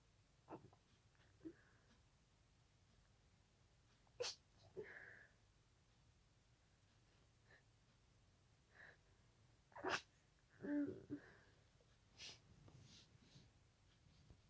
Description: Had a mysterious itch in my nose tonight which proceeded to a little sneezing fit. Tried to stifle them all... Sneezing quietly is hard 😅